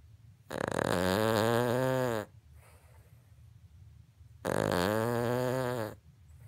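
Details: 3-year-old King Charles Cavalier dog snoring loudly enough that phone callers mistake it for trains, vacuuming or a chainsaw: two long, loud, low rattling snores with quiet breathing between them.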